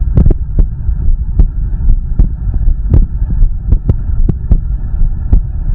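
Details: Deep, regular heartbeat thumps at about 74 beats per minute, recorded close to the body over low rumbling stomach growling; heartbeat.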